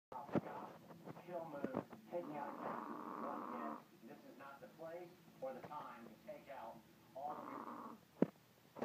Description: My Pom, Bear, has a snore that would put a grown man to shame. Imagine him in your room and think of how much sleep you would miss.